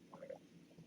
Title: boots's stomach growling